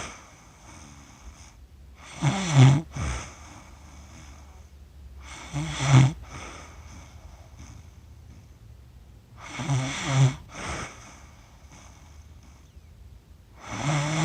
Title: Snoring for 47 minutes. Accidental recording during sleep!